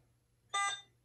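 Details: Single short electronic beep as start is pressed on an Alaris IV infusion pump, which then begins infusing; a normal operating tone.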